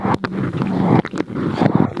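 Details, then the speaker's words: Cervical auscultation with a microphone on an infant's neck during feeding: low rushing breaths with short sucking and swallowing bursts, used to assess suck-swallow-breathe coordination and aspiration risk. "So cervical auscultation is to assess the sucking, swallowing reflex in coordination with breathing, which is an important clinical pathway that I would like to share with you."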